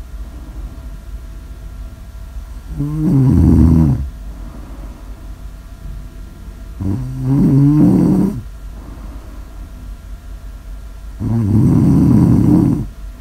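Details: Heavy snoring recorded for ASMR audio: loud, low, rattling snores on each breath, about 14 a minute, with quiet pauses between.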